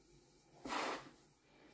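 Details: Bedtime CPAP use by an adult woman diagnosed with severe sleep apnea: a brief soft rush of air as the machine is switched on, then a quiet background hiss of CPAP airflow.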